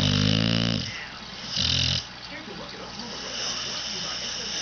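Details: Dog named Sally snoring: a loud, rough, buzzing snore on the breath in, a short quiet gap, then a second snore; ordinary snoring.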